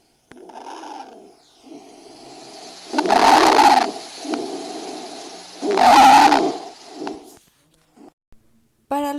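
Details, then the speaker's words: Harsh, high-pitched musical stridor growing loud and strained with each breath, in a breath-sounds practice session; turbulent airflow through the larynx or lower bronchial tree. "El sonido estridor Este va a ser un sonido respiratorio agudo resultante de un paso turbulento del aire a la laringe o menor en el árbol bronquial."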